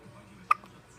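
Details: A single short, abrupt catch of breath against a quiet background, part of a long, persistent bout of hiccups.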